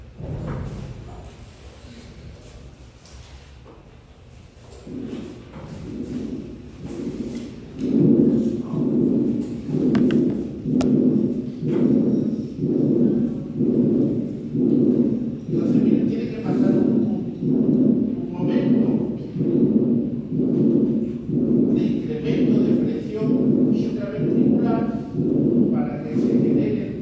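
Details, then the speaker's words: Harsh crescendo-decrescendo systolic ejection murmur of aortic stenosis, regular heartbeat near 60 a minute; aortic stenosis systolic ejection murmur. "luego se va a dar el clic de apertura o clic de inyección y empieza el sonido que va creciendo y luego va diendo. Ese es el sopro sistólico de la de la estenosis."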